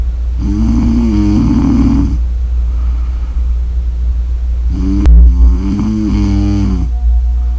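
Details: Snoring audio recording; snoring.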